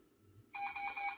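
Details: Covidien/Medtronic PB560 ventilator switching on: a bright, high electronic tone pulsing three times in a quiet room, its start-up alarm beep.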